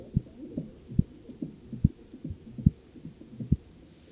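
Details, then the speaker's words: Manual blood pressure measurement with the cuff deflating: regular soft tapping Korotkoff sounds about 70 a minute, first to last sound; reading 90/70. "so we've successfully heard the blood pressure um with all the sounds there so we've heard the first and second sounds the coric cough noises and I can then record my blood pressure into my file or the patient's F"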